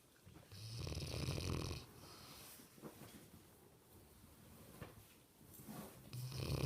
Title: Trixie snoring. Ever wanted to know what it was like to sleep with a Mastiff? Here ya go...